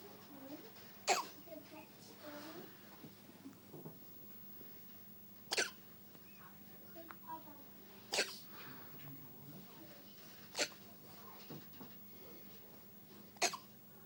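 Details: Baby's first hiccups: short, sharp hiccup sounds repeating every few seconds, with soft baby noises between.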